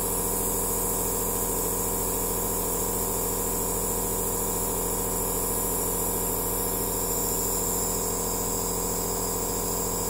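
Continuous steady mechanical hum and hiss of a nebulizer compressor running without pause.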